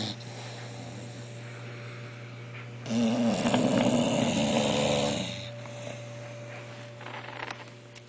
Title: Boogie & Disco: Bulldog Snoring Competition